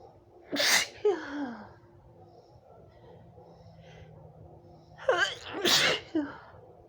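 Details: Two forceful sneezes, each with a sharp indrawn breath before it, from an adult woman with allergy, itchy red eyes and itchy throat; allergic sneezing fit.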